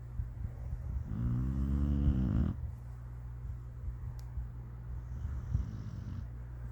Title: Turn your volume up for this one Meadow snores when she is covered up🤣🤣